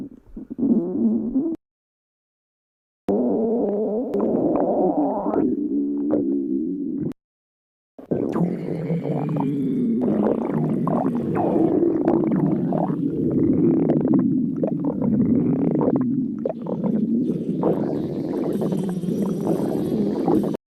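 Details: Low, drawn-out gurgling and rumbling stomach growls in several separate stretches, typical of ordinary bowel sounds; stomach growling (borborygmi).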